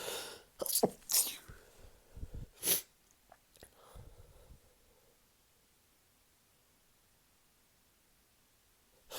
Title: Drunk Sneezing Fit